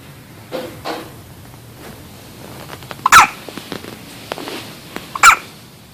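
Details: Baby girl's first hiccups: a few short, sharp, squeaky hiccups at irregular intervals in a quiet room.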